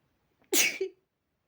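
A single sharp, spraying sneeze with a short voiced tail. Ordinary sneeze.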